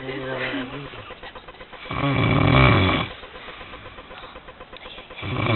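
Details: Loud rough snoring on inhalation, one full snore clear between quieter breaths, faint background noise; a man snoring after a night of partying.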